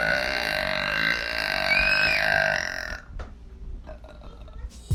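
A long, loud, rumbling burp lasting about three seconds, then quieter room sounds; ordinary belching.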